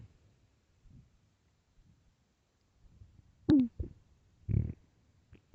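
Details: Extremely loud hunger growls from an empty stomach: quiet low gurgles then a few short, loud squeaky and rumbling bursts; borborygmi.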